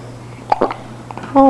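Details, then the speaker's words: Two short, abrupt catching sounds in quiet, then a brief voiced whine from a girl with hiccups, who seems upset by them. "You got hiccups?"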